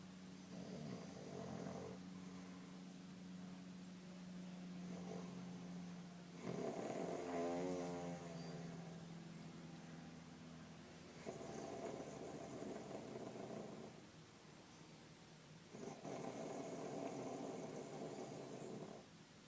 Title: Snoring like a bulldog